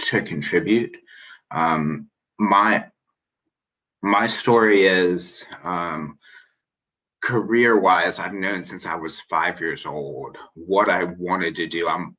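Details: Spontaneous interview speech of an adult man who identifies as a person who stutters, with long pauses and broken-up phrasing; finding: stuttering.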